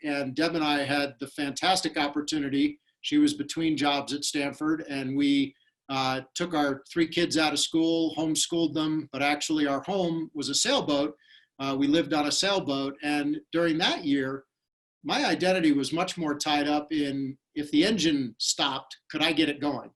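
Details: Adult male speaker; Normal speech.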